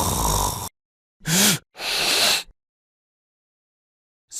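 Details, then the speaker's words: Animation audio on obstructive sleep apnea: the airway is fully blocked, breathing stops, and the brain briefly wakes the person to take a breath, giving an arousal snort. "eep apnea happens when the airway is completely obstructed no air can go through and the person stops Brea breathing this sensation of breathing triggers the brain to response by waking up the person just enough to take a breath"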